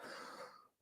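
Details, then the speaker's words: Adult man with a voice running out from coughing gives a single brief, breathy cough burst that fades quickly, in a quiet small room during a live broadcast. "you can might be able to hear it in my voice and also in my coughing um that my voice is running out here"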